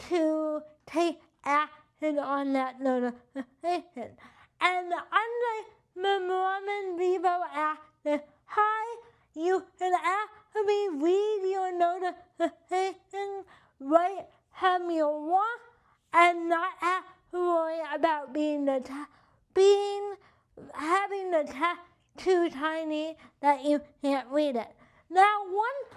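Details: Adult with cerebral palsy and limited hand function; dysarthria (cerebral palsy).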